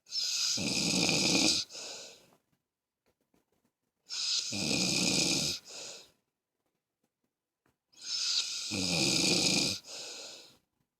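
Three harsh, hissing snores with a short trailing exhale, roughly every four seconds, with silence between; about 15 breaths a minute.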